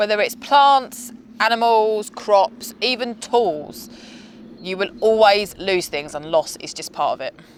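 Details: Adult speaker; typical speech.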